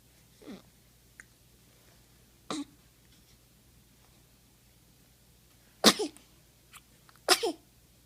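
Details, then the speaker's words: Baby sneezing, in a clip that also has baby hiccups and farts: a few soft, sharp sneezes, then two louder ones close together, in a quiet room. "contained a hiccup, a fart, and a sneeze."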